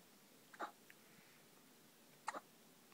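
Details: Hiccups in a newborn baby boy nearly 24 hours old, in hospital: two faint, brief, abrupt catching sounds about 1.7 seconds apart in a quiet room.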